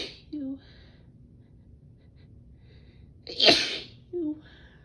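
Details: Woman sneezing from pollen sensitivity despite allergy medicine: one explosive sneeze with a brief inhaled build-up, in a quiet room.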